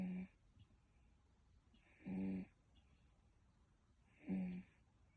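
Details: Regular rattling snores on each breath, about 28 a minute, with quiet pauses between them in a still room; snoring during sleep.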